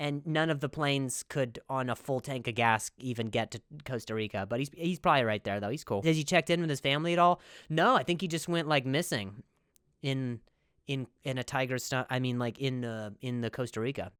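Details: Stuttering in an adult man, with whole-word repetitions.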